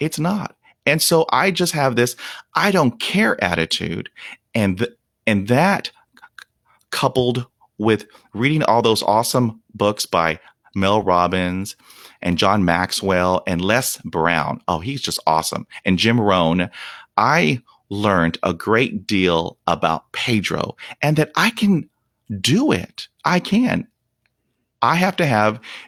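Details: Stuttering in a 48-year-old man, stuttering for 43 years since onset at age five after a dog attack (shock/trauma), with blocks, trouble on S, H and P sounds, facial tics and not breathing during blocks; unedited speech; stuttering.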